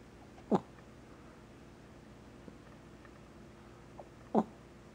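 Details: A poodle snoring while asleep: two brief snorting sounds about four seconds apart against a quiet room background.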